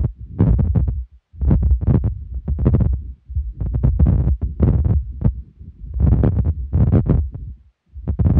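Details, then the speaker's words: ASCOPE acoustic/Doppler stethoscope in Doppler mode over the lungs during deep inspiration and expiration: soft, low, rumbling whooshes rising and falling with breathing, a normal lung motion return, easily mistaken for the stethoscope face sliding on skin. "the low frequency and soft tone of the moving lung can be mistaken for the noise of the stethoscope face sliding across the skin"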